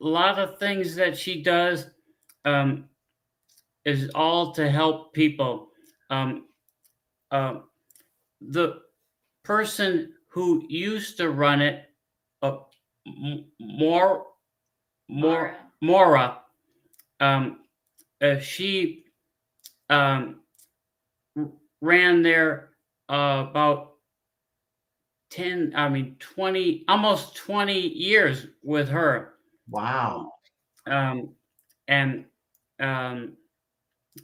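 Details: Man, a former pilot, with aphasia from a stroke 15 years ago; he cannot read or write; speech with frequent fillers, pauses and word-finding difficulty; aphasia after stroke.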